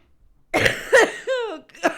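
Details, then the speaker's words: Adult with a persistent cough that sounds terrible: laughing sets off three rough coughs in two seconds, with a brief voiced, whining sound between them. "of course of course the second that i say that the second that i say that i do something that makes me laugh which makes me cough so off to a very good start"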